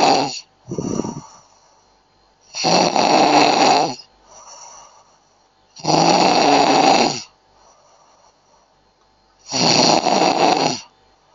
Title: กรน snore snoring